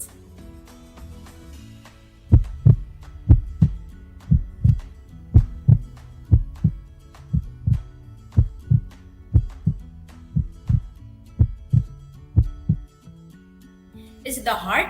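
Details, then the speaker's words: Steady paired low thumps of a heartbeat at about 60 beats a minute, with soft music underneath, used as an example of a soft sound; normal heartbeat. "if your answer is soft you are correct the bedding of a heart is a soft sound"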